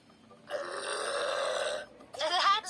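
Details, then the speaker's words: A drawn-out, voiced throaty rumble lasting over a second, then a shorter second one; burping. "after eating a meal our tummy might feel bloated and heavy and since the surplus air needs to get out"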